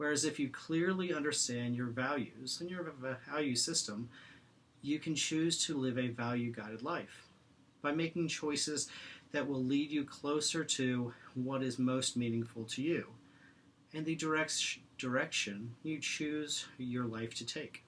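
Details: Presenter who stutters, speaking in an International Stuttering Awareness Day 2016 talk on acceptance and commitment therapy (ACT) for people who stutter; stuttering.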